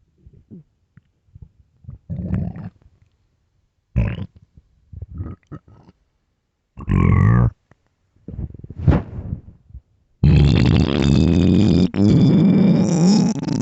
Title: long day hunger loud stomach growls